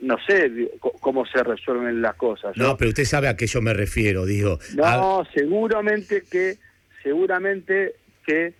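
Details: Adult man speaking; typical speech.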